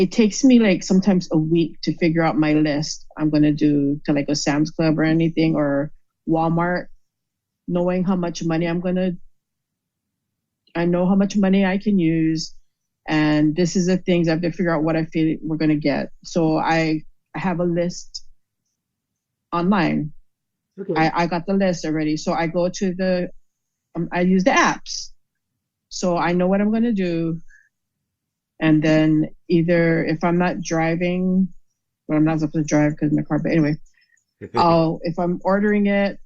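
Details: Aphasia after a stroke in a woman who states she had a stroke and that it is called aphasia.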